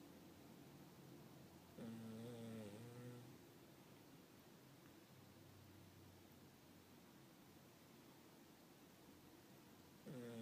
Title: My snoring dog, too funny